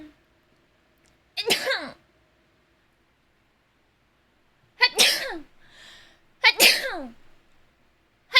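Three quick, high-pitched sneezes separated by pauses, with a faint breath between the last two.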